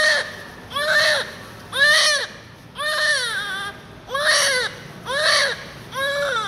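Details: Newborn crying while being cleaned (eyes, ears, hair): loud, rhythmic, high-pitched wails, about one per second, vigorous while handled; normal newborn cry.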